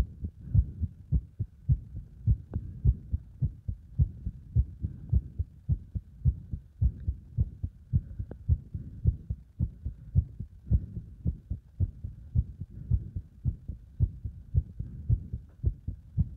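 Fast, steady, strong low thumping heartbeat, about 107 beats a minute; a quickened rate from exercise.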